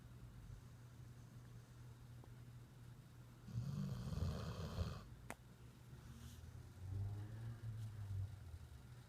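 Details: Puppy snoring during an evening nap: soft, low snoring breaths with one longer rough snore over a steady background hum.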